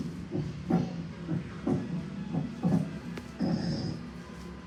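Regular heart sounds at about 60 a minute, with a soft blowing sound after each second sound and faint background music: an aortic regurgitation murmur.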